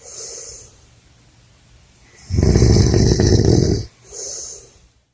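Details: Adult man snoring at a men's retreat: a loud, deep, rattling inward snore lasting over a second, between softer hissing breaths.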